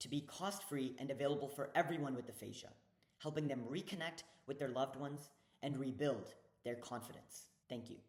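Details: Adult male speaker; normal speech.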